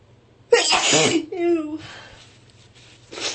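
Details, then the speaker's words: Repeated sneezing in someone who says they can't breathe, their throat and chest hurt and the sneezes won't stop: single forceful sneeze with a brief voiced cry, then a quieter breath and sniff. "Can't breathe. My throat hurts. My chest hurts. The sneezes won't stop."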